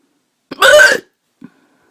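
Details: Hiccups, cause unknown: a single abrupt voiced gulp with a sharp catch, then a faint second sound; a hiccup.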